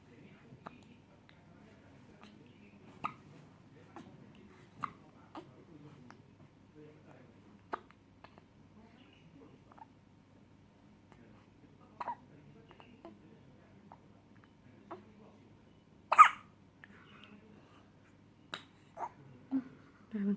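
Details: Ongoing hiccups: repeated small, abrupt hiccups over about twenty seconds, one louder.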